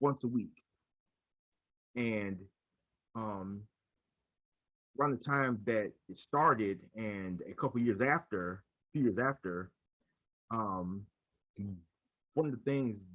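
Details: Adult male podcast speaker who stutters, who says he used silent blocks when younger; stuttering.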